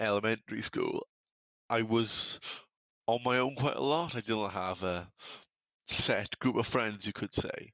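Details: Man from South Wales, UK, who has stammered since early childhood and says he stutters less when alone or talking to his dog; stuttering.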